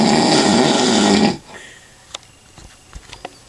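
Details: Adult man snoring after drinking lots of alcohol: one loud, coarse, vibrating snore on a breath, then quiet room noise with small knocks.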